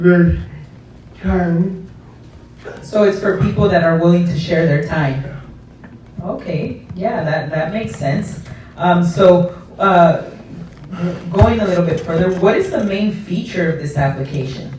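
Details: Adult interviewer in conversation; normal speech.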